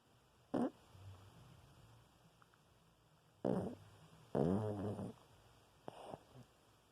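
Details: Sleeping dog (Oliver) snoring with a few short, low, flapping snorts and quiet gaps between them, sounding like a fart; ordinary snoring.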